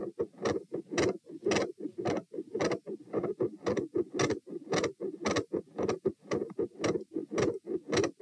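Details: Heart auscultation at position T during a stress test (lying, sitting, standing, knee bends, standing, lying; 84–120 bpm): fast, loud, regular beats about 110/min after exertion, changing loudness, murmur changes, split S2, extra sounds.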